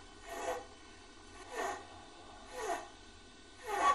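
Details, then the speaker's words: Child with difficult breathing, in a pneumonia warning-signs demonstration: rapid, harsh, noisy breaths about 52 per minute; stridor. "Cela s'appelle stridor."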